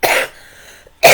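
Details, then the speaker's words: Adult's dry hacking cough during a live stream: two harsh, forceful cough bursts about a second apart. "Okay, oh, sorry about that, hacking cough."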